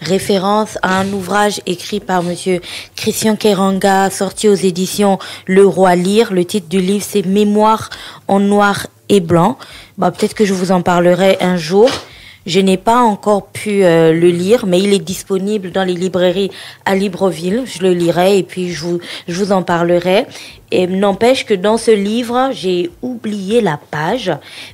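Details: Adult woman speaking French; typical speech.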